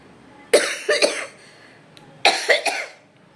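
Two short bouts of coughing, each with three quick, sharp, dry-sounding bursts, six coughs in all, in a quiet room: an ordinary cough.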